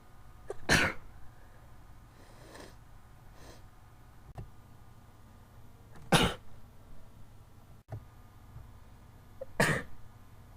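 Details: Three sharp, explosive sneezes several seconds apart with soft breathing between, from a person who says something got up their nose, causing about 89 sneezes in 20 minutes with very watery eyes; sneezing.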